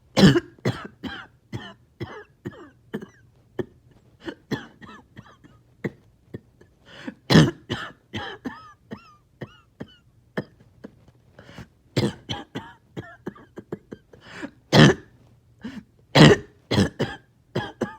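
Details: Productive cough after a breathing treatment, part of nearly 40 minutes of painful mucus clearing: repeated harsh, rattly, wet coughs with throat clearing, choking on phlegm.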